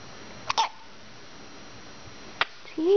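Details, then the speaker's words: Infant girl, one of twins about 2 months old, with hiccups: two to three short, sharp hiccup sounds over a few seconds, brief vocal sound at the end; infant hiccups. "I have the hiccups yes yes those darn act up they don't let you sleep Oh No"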